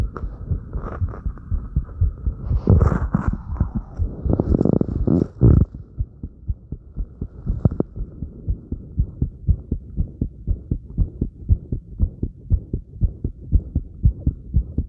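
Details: Fast, regular heartbeat of about 120 a minute with breath sounds and movement noise, recorded during light crunches: rapid heartbeat after light exercise.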